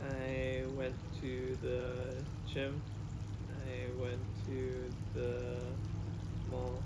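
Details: Adult man with expressive aphasia plus oral apraxia and right-sided paralysis after a hemorrhagic stroke at age 27; practising sentences with verbs and objects.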